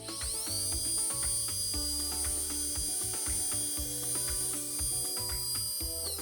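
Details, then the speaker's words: First (lance) dental implant drill marking the implant position and direction in a model, parallel to the other teeth, with the water turned off: a high-pitched whining drill in short bursts with background music. "첫 번째 드릴 있데요 랜스 드릴이 합니다 요거는 어느 쪽에다가 임플란트 식립할 어느 방향으로 립 팔찌를 먼저 정해 주는 거예요"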